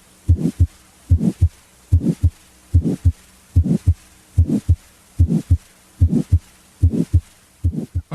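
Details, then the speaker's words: Decrescendo murmur: regular heartbeat near 73 a minute with a murmur that starts loud and grows softer within each cycle. "a crescendo murmur grows louder a decrescendo murmur grows softer"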